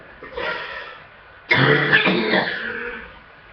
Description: so i have a full chest and hard coughing i guess so far this year is cough mania for me